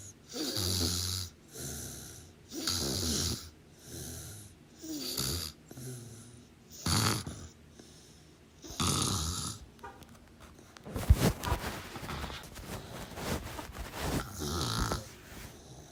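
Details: Sleeping person: loud, rough snores about every two seconds, roughly 29 a minute, then quieter irregular breathing noise toward the end; snoring.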